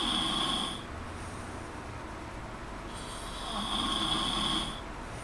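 Two loud, rough, whistly snoring breaths about four seconds apart, with quieter breathing between them; ordinary snoring.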